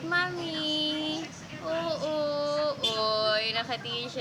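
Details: Infant boy at home after his 5-in-1 vaccine and RotaTeq: sustained, tonal distressed crying in long wailing bouts with brief catch-breaths.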